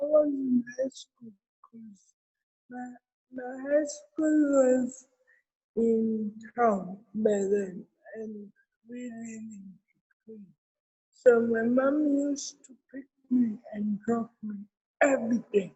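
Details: Adult woman with cerebral palsy present since birth; dysarthria (cerebral palsy).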